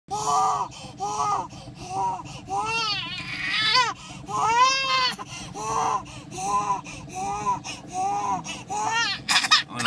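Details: Infant, described as irritated and sleepy, crying loudly in repeated wails with brief breaths between; ordinary fussy infant cry.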